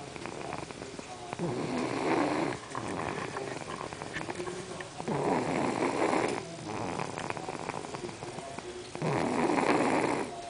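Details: A girl snoring: rough, rattling snores on three breaths in about ten seconds, with quieter breathing between them; snoring.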